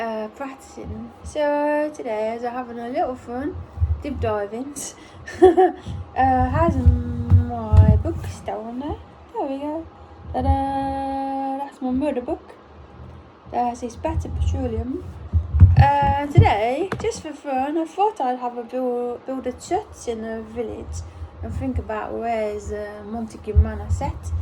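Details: Apraxia of speech in an adult woman almost one year after a ruptured brain aneurysm, during brain injury aphasia recovery.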